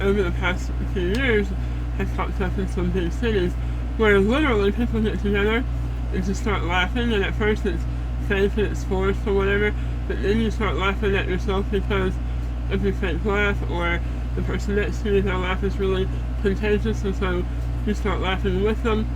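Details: Adult woman after stage 4 head and neck cancer treatment and repeated strokes, with a neck hole and a feeding tube, and food coming out of her nose; some words hard to say; altered muffled, hypernasal voice.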